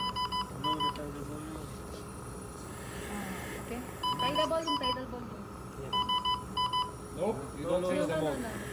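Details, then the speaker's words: Repeated bursts of high electronic alarm beeps with a voice between them: a WEINMANN portable emergency/transport ventilator alarming during a training session while ventilating an intubated patient on 8 litres oxygen. "alarm [Music] okay but we still have an alarm volume again what i want you guys"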